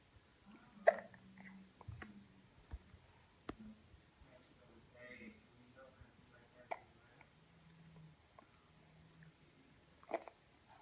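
Quiet room with several sharp, brief voiced catches at irregular intervals, some with faint vocal sounds between them, fitting hiccups.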